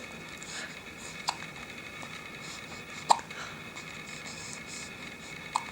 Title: Two Months Old - hiccups